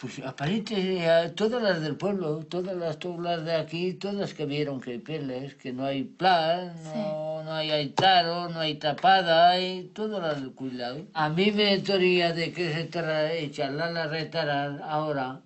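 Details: Male Spanish-speaking patient after an ischemic stroke caused by an operation; impaired comprehension, meaningless and invented words forming jargon, with some correct information kept; Wernicke's aphasia.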